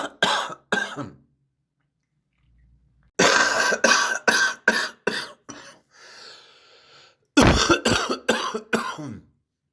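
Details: Three runs of loose, rattly coughs, about fourteen in all, with raspy breaths between them; wet, phlegmy cough with catarrh.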